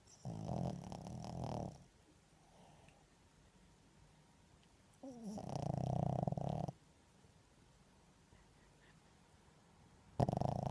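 Low, rumbling, fluttering snores in long drawn breaths separated by quiet pauses. Ordinary dog snoring.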